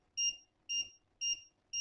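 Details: Jziki JZK-301 fingertip pulse oximeter giving a beep with each pulse beat: short, clear electronic beeps repeating evenly at about 115 to 120 a minute.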